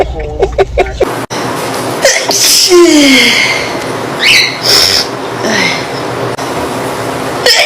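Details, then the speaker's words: Girl sneezing in a compilation of allergy and cold sneezes: noisy excerpt with music and voices, sharp explosive bursts consistent with sneezes. "Why this always makes me sneeze? Watch this."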